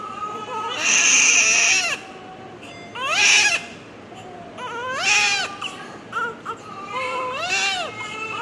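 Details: Newborn's first cry just after delivery: strong, rhythmic cries, about four in eight seconds, clear and vigorous; a normal cry.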